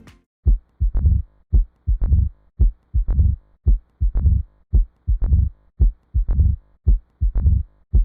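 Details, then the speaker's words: Simulated heart sounds at about 56 beats a minute with a mitral stenosis murmur: an opening snap right after S2, then a low rumbling mid-diastolic decrescendo murmur from turbulent flow through the narrowed mitral valve. "blood rushes through the narrowed maral valve producing turbulent flow and this is audible vibrations from these that that produce our mid diastolic decrescendo merma"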